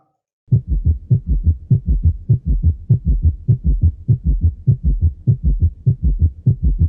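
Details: Summation gallop heart sound, played in a teaching class on physical examination of the precordium.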